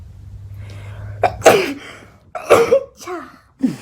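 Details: A young child named in caption as cute, sneezing with the whole body: sharp explosive bursts with brief voiced tails, an ordinary sneeze reflex.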